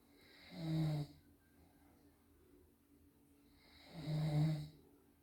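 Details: Sleeping father recorded snoring: two deep, rattling snores on breathing in, about three seconds apart, with quiet between; ordinary sleep snoring.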